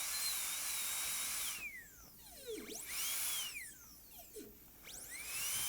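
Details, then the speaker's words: A high-speed dental handpiece gives a high-pitched whine that dips under load, with suction hiss, while bevelling the gingival floor of a box form during a gold onlay preparation on tooth #18 on a typodont in a simulation lab. "so you have to give it some gas right there so as you're doing this you'll start with the bevel at the gingival floor just a little bit"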